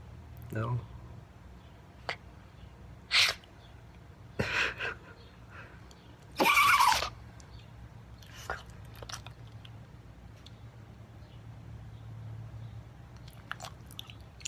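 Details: Sneezing fit in a 19-year-old Rat Terrier with vestibular problems, held by her owner: several sharp, noisy sneezes in close succession with quiet pauses between.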